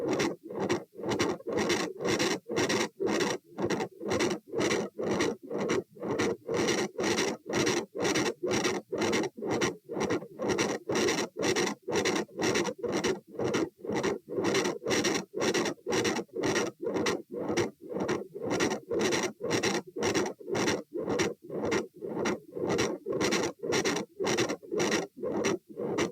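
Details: Heart sounds at position A (aortic area), recorded standing and sitting at 120 bpm: a rapid beat, each carrying a harsh, rasping, very loud murmur.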